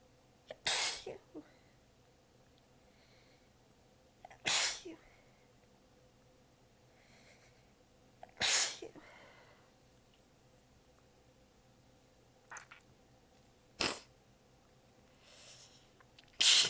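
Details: Five weak sneezes in a tired, prolonged fit over about seventeen seconds, partly held back because of exhaustion and sore abs, with quiet breathing between them; position changed between recordings, at one point lying facedown on the floor.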